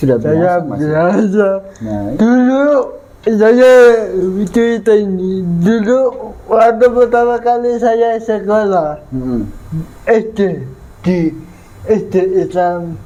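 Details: 22-year-old man with cerebral palsy (physical disability), linked to a difficult, delayed delivery at birth; dysarthria (cerebral palsy).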